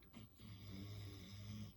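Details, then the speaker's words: Snoring from a 14-year-old female dog sleeping on a couch right by the camera: a low, rumbling, steady rough drone on the in-breath. "hear my dog snore four she's sleeping on the couch right by the camera"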